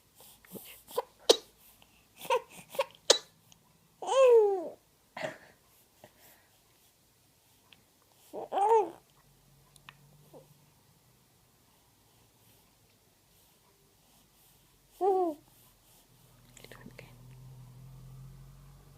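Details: Baby girl sneezing; small high-pitched vocal bursts with a few brief sneeze-like sounds among babbling; infant sneezes.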